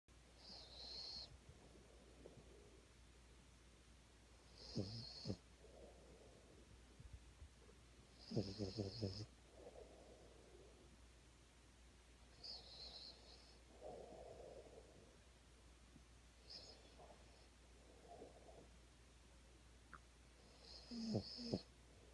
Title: Deez still snores